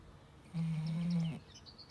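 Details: A dog named Lucy during an afternoon nap gives a single low, steady droning snore under a second long, with quiet room noise: ordinary dog snoring.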